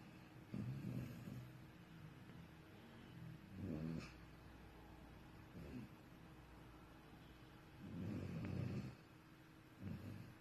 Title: Snoring Puppy...